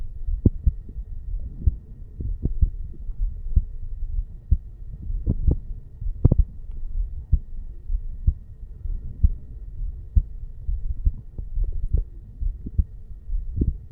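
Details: 35-year-old male sitting on stairs, heartbeat recorded at the bicuspid (mitral) valve area: steady low thumps about 63 a minute with faint background hum; normal heart sounds.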